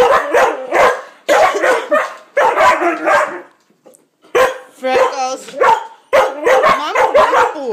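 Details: An adult coughs deliberately while a pet dog that hates coughing reacts with excited barks, yips and whines: voluntary cough.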